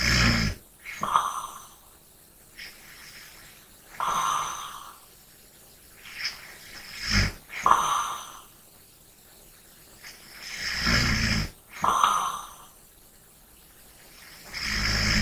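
Slow rattling snores on breaths in with quieter breaths out, about 14 breaths a minute; ordinary sleep snoring.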